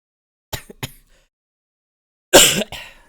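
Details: Streamer still coughing while sick with what is called long COVID: two short sharp coughs, pause, then louder harsh cough burst with trailing second burst; lingering cough.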